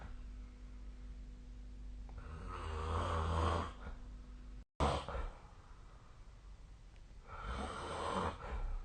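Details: Loud snoring during sleep: two long, rough, rattling breaths separated by a short pause in a quiet room; the SnoreLab snoring app is linked alongside the recording.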